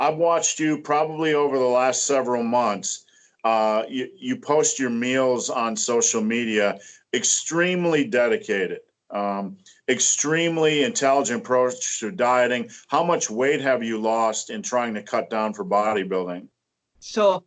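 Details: Adult man speaking; ordinary speech.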